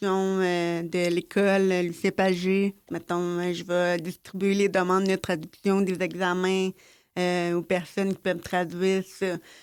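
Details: Adult woman, born with mild hearing loss that progressed to severe then profound with three major drops in childhood, oral speaker since age 3½, lip-reads, wears a hearing aid in left ear only, French speech; speech of a person with severe-to-profound hearing loss.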